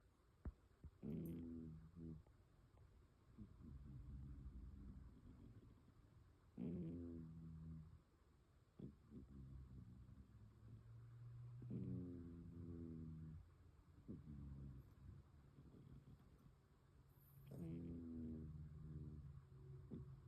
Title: A cat sleeping and snoring. #Caturday